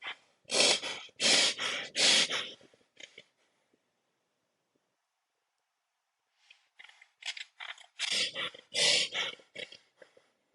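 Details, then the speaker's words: Imitated Cheyne-Stokes respiration, simulated in a lecture: slow breathing swells crescendo to loud gasping breaths, fades decrescendo, stops in apnea about three seconds, then builds again; linked to raised intracranial pressure on the brainstem. "right so you notice my breathing starts slow it gets louder louder louder then it gets soft and then there's apnea right and then it starts slow and it's louder louder louder and then it's apum"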